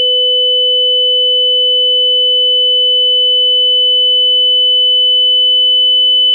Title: Tinnitus